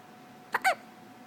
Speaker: got the hiccups? You got the good hiccups. Oh my goodness.